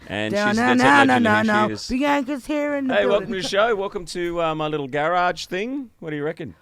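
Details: Adult male host; normal speech.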